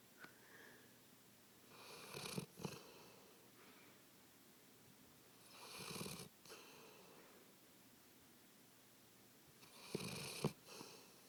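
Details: Snoring in sleep: three noisy, rasping breaths about four seconds apart, each ending in a short snort, in a quiet room.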